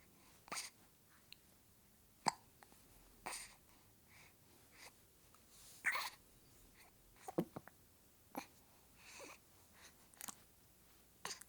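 Soft, repeated infant hiccups, about one a second, with faint breathing between them in a quiet room.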